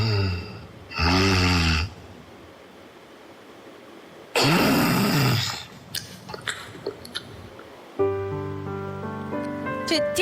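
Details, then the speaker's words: Snoring stops for a silent gap, then returns as a louder, coarser, heavy snore: the pattern of obstructive sleep apnea, shown as the second, fluctuating snoring type, unlike continuous simple snoring. "第二种感觉好像怎么有点起伏，是吧？对的，他就打呼噜，突然有段时间不打呼噜了，然后呢，接着又声音变粗变重的一个剧烈的打呼噜，这只是大家听到的声音哈。"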